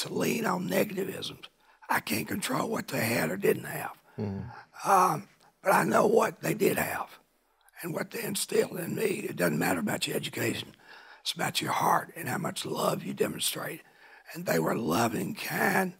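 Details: Adult man with a voice change after cancer, which he first thought was a thyroid problem; kept secret for years, now cancer-free; dysphonia after thyroid cancer.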